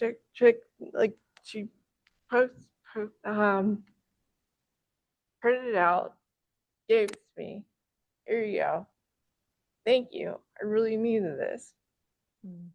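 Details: Man with self-reported aphasia, member of a stroke survivors' aphasia support group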